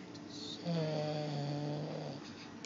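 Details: Sleeping female cat, referred to as "the brit", snoring: a single drawn-out, low rumbling breath with a soft whistling note.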